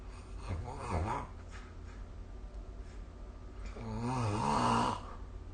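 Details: Snoring recorded with the SnoreLab smartphone app during sleep: two rough, fluttering inhaled snores separated by a quiet pause, in a small room; snoring.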